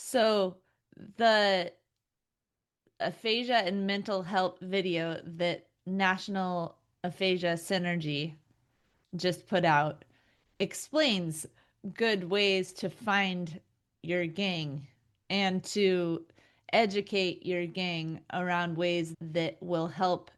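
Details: Adult woman speaking; ordinary speech.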